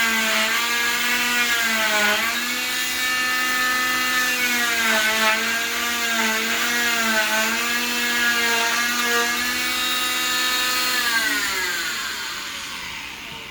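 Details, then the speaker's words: Oscillating cast saw cutting down the center line over safety tape on a short arm waterproof fiberglass cast with a Gore-Tex liner: a loud whining motor hum that dips in pitch as the blade bites. "So we're going to go ahead and we're going to go ahead and cut down this center line where the safety tape is to show you how the saw versus the waterproof cast is going to work."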